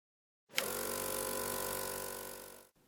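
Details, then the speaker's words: Suction machine switched on for an emergency with a child's plugged tracheostomy tube: a click, then a steady loud motor whir and hiss lasting about two seconds. "if your child is on a ventilator a high pressure alarm may sound turn on the suction machine"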